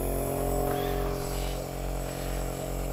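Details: Steady loud mechanical hum and buzz of an Omron compressor nebulizer running continuously for about 5 minutes to treat two 3-month-old Bengal kittens placed in a box.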